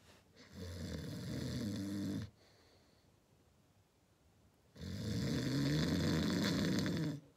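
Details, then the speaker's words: Deliberately faked snoring: two long, loud, rattling snores with a quiet pause between, performed as an imitation rather than real sleep snoring. "écoute écoute ça en deux secondes je peux faire un faux ronflements regarde regarde"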